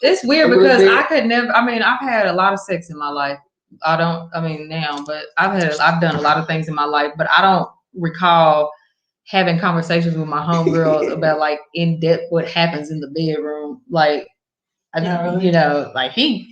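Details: Adult speaker, talk radio; ordinary conversational speech.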